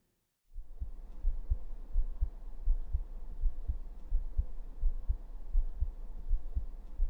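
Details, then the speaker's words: Soft, steady low thumps at about 85 beats a minute under a faint hum: a heartbeat heard through a stethoscope on the bared chest, in a role-play nurse vitals check of a tired, sleepless student. "so next let me check your vitals I need you to raise your shirt up no need to be embarrassed yes like that let me just use my statoscope to check your heartbeats"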